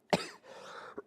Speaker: It's a whole production, but here on the stream, we're just friends. So, you guys are going to have to hear the cough.